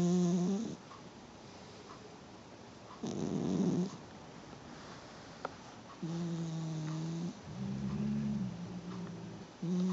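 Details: Sleeping female pet ferret: soft, humming snores in a slow, regular breathing rhythm of about 18 per minute.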